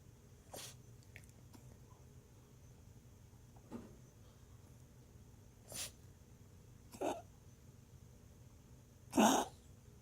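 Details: Dog coughing while resting: about five short, soft huffing coughs over ten seconds, with low room hum behind.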